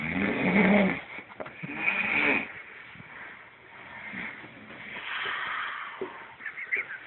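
Two loud, rough, rattling breath sounds from a sleeper, followed by quieter noisy breathing; snoring.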